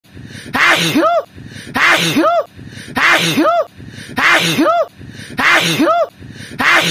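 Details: A single sneeze looped about 50 times a minute: a sharp in-breath, then an explosive burst.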